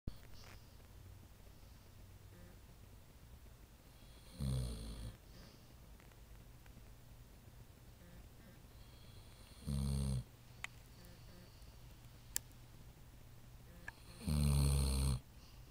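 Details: Three loud, low, rattling snores at irregular intervals against a quiet, hissy room; snoring.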